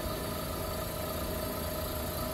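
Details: Suction therapy machine running, pressure being dialled in starting mid-range, for clearing fluid, mucus or upper airway blockage: steady motor hum and hiss.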